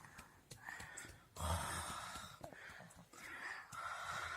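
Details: Noisy sleeping breaths from an infant, with rough, whistly snoring sounds on each breath in a quiet room; the baby is snoring.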